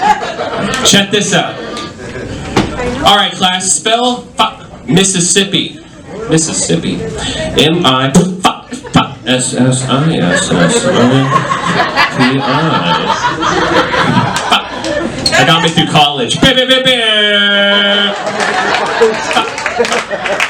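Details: Adult male comedian with Tourette syndrome, a neurological condition causing involuntary utterances including shouted swear words and tic noises, performing live stand-up; vocal tics (Tourette syndrome).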